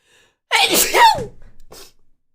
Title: 재채기 30호기